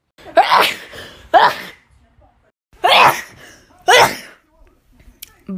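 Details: A girl sniffles until she sneezes: four abrupt, forceful sneezes in two close pairs, each with a quick intake and explosive release, separated by brief quiet.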